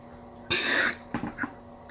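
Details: Cough without a cause being treated with guided suppression (slow deep breaths, focusing on the doctor): one harsh, throaty cough then a few short, softer cough-like bursts over a steady room hum; habit cough.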